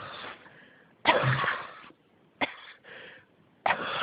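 A run of harsh coughs, about four in four seconds, with rasping breaths between them; a persistent cough.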